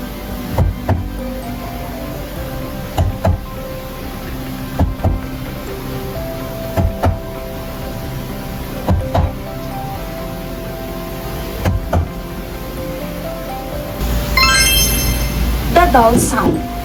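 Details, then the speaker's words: Recreated lung percussion demonstration: paired short, thudding taps with little ringing over soft music, a dull note normally heard over the heart or liver, replacing resonance when fluid or solid tissue replaces lung air, as in pneumonia, pleural effusion or tumour. "is normally heard over dense areas such as the heart or liver baldness replaces resonance when fluid or solid tissue replaces air-containing lung tissues such of course breath pneumonia plural effusion or tumors"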